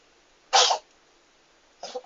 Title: Кот Чихает / Sneezing Сat